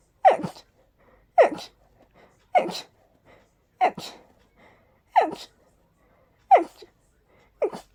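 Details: Allergic sneezing attack from very high pollen and dust sensitivity without allergy medication: seven forceful sneezes about one per second with short gasping breaths between.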